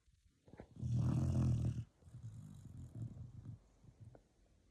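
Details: 4-month-old puppy snoring: loud rumbling snore on the in-breath, then softer rattling breath sounds as it settles; ordinary snoring.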